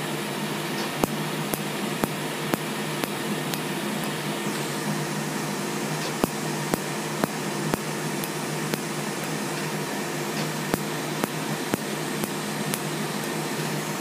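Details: Second tattoo removal session on a thigh tattoo: sharp laser clicks about two per second over steady cooling-fan hiss, with skin frosting as the ink breaks up; laser tattoo removal pulses.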